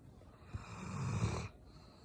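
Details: Single low, rumbling snore on the in-breath, lasting about a second, in a quiet room; snoring.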